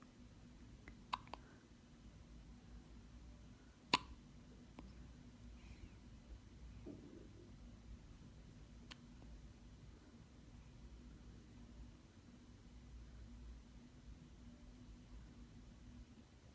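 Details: Hiccups recorded at home: sharp, brief clicking catches at irregular intervals over a quiet room hum, typical of infant hiccups.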